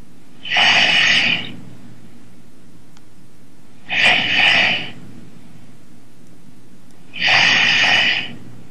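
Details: Man fallen asleep on a Skype call, heard over the call: three loud, harsh, hissing snores about three seconds apart, roughly 18 a minute, over steady room hum; ordinary snoring.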